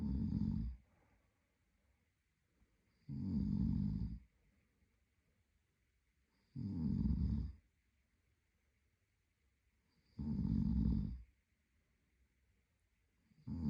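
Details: Adult male (boyfriend) snoring steadily, with deep rattling snores on each breath in, about 18 a minute, and silence between them: snoring.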